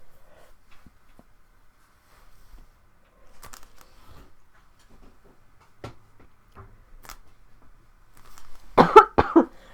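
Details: Adult with a common cold on a livestream: a short burst of two or three harsh coughs after quiet room sounds, a cold cough.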